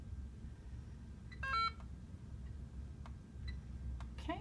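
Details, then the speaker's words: IV infusion pump beeping after being set to 100 mL/h with 390 mL to be infused, for an order of 400 mL saline over four hours: a short burst of electronic tones, then a few faint single beeps over room hum. "I'll set right to be volume to be infused at 390 so it goes ahead and beeps so I have a little bit of time to come and make sure everything looks good"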